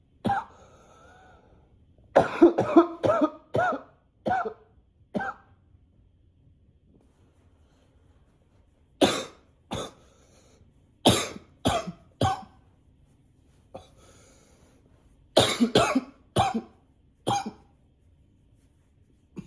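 Repeated bouts of harsh coughing, about 17 coughs in short clusters with quiet gaps: a persistent cough.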